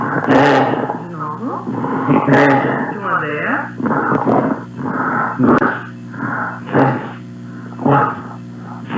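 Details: Patient with a tracheostomy and a severe articulation disorder; breathiness and asthenia rated very strong (grade 3) on the GRBASI dysphonia scale, with hypernasality, wet and pasty voice; breathy voice.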